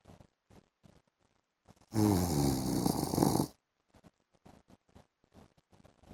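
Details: Adult man snoring during an afternoon nap.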